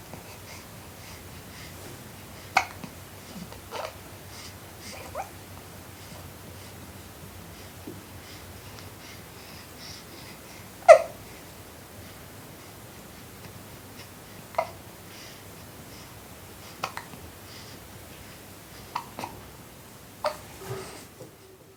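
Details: Four-week-old baby boy breastfeeding: soft sucking and gurgling noises broken by short, sharp hiccups every few seconds.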